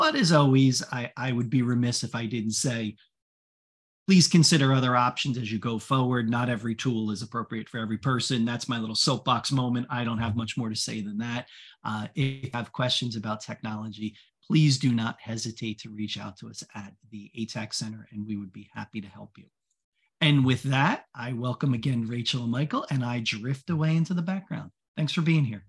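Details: Adult speaker; typical speech.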